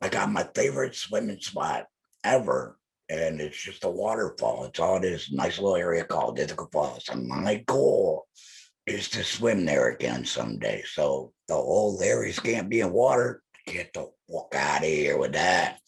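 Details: Electrolarynx speech from an adult male laryngectomee, the device held to his neck as his only form of communication.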